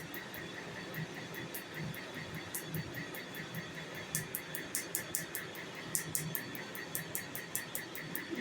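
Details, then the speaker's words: Nd:YAG laser tattoo removal on a man, partial lightening before a cover-up tattoo: rapid sharp snapping pops over steady hiss and hum, popping showing the laser is hitting ink. "Because it's just steam. And when we hear the loud popping noise, we know it's hitting."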